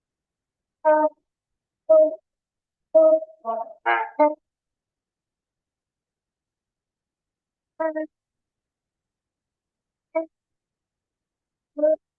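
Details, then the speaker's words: Female child with croup, agitated but not toxic-looking: short, harsh, high-pitched crowing on each breath in, uneven pace with gaps; predominantly inspiratory stridor from subglottic obstruction. "The strider is in an inspiratory phase predominantly. Every time she breathes in, she's got strider."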